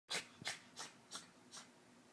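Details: Cat's violent sneezing fit lasting about a minute, followed by aftershock sneezes; these are the aftershocks: five quick, hissing sneezes in about two seconds.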